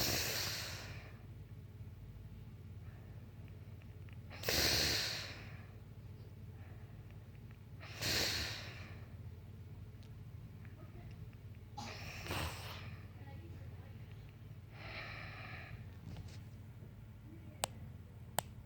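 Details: Grandma (older woman) snoring during sleep: loud snorting snores recur every few seconds with quieter breaths between.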